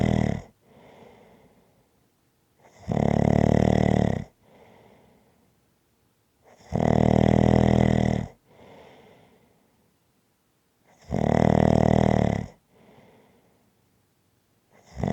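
Loud rattling snores on each in-breath with softer out-breaths, about 14 breaths a minute, steady snoring.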